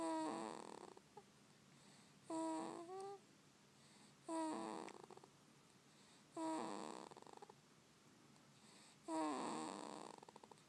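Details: Soft, squeaky snores about every two seconds, roughly 29 a minute, with quiet gaps between: a baby snoring.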